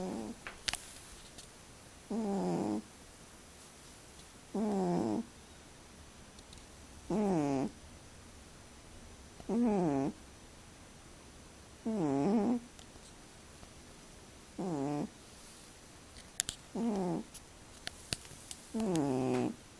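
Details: Regular, rough, buzzing snoring breaths during sleep, about 25 a minute, with quiet pauses between them; snoring.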